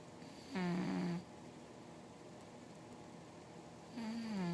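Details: Female sleeper snoring near an air conditioner: two loud, low, rattling snores on the breath in, separated by a quiet pause with faint room hum; snoring.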